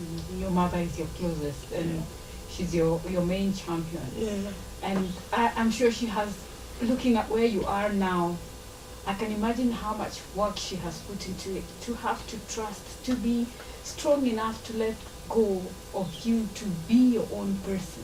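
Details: Adult woman speaking; normal speech.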